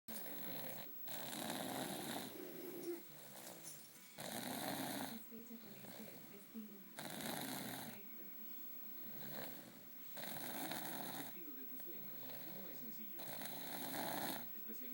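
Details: Loud, rough snores recurring about every three seconds, roughly 20 a minute, with quieter breathing between them; ordinary snoring.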